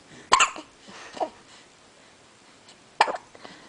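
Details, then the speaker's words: Awake 3-week-old baby girl weighing 8 lb 12 oz, with hiccups again: small, sharp catching sounds repeating every few seconds in a quiet room. Infant hiccups. "we're Wide Awake we have the hiccups yes we do goodness"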